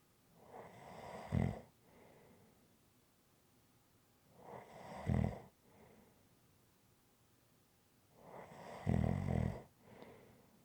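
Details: Three rhythmic snores, each a rough rattling breath in with a softer breath out, about 16 a minute; regular snoring during sleep.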